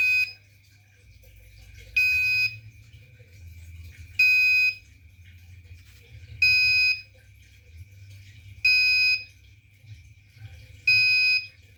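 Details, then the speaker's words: Arduino-based student-project IV infusion alarm on real hardware: with the fluid reading approaching 100, short high-pitched beeps repeat about every two seconds, an intermittent low-fluid warning. "Apakah ya alarm merah menyala dan buzzer menyala terus, bunyi terus?"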